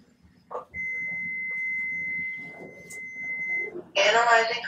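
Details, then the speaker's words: Adult CPR demonstration by a paramedic: after pads are placed, a training AED gives a steady high tone for about three seconds, then a hiss, while analyzing the heart rhythm; simulated. "stand back from the patient shuttle back make sure no one else is touching the patient it's analyzing the heart"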